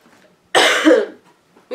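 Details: One loud, harsh cough of about half a second in a quiet room from an adult woman with a cold; cough.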